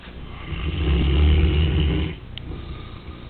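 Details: Short-haired Newfoundland dog snoring while resting in the afternoon: one long, deep, rumbling snore of about two seconds, then quieter breathing.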